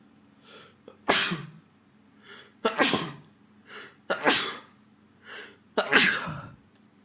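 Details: Adult man with a head cold in spring for about a week, also sniffling and blowing his nose: four forceful sneezes in a row, each preceded by a short breath in; repeated sneezing.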